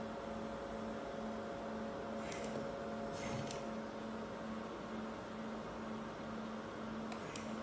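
Steady mechanical hum with a low pulsing tone and a few soft clicks from a running ICU ventilator.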